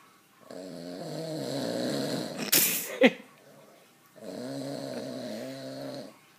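Two long, rough, buzzing snores on breathing in, with a brief rustle and knock between them; ordinary snoring.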